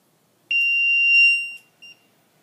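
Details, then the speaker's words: LTV 1200 portable transport ventilator alarm demonstrated to show speaker location: loud shrill steady electronic tone for about a second, then a short second beep. "you put tape over it and you can't hear it I'm gonna turn it off so you need to know where the speaker is in case it gets muted and you can't hear"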